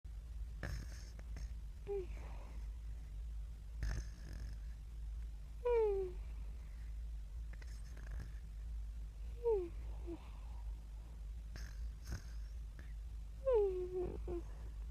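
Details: A person sleeping: soft snoring breaths with short whistling squeaks at the end of some breaths, over a steady low hum. Snoring.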